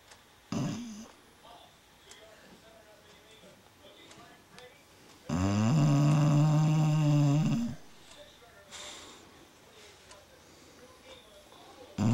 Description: BeeBee's having a dream as she snores.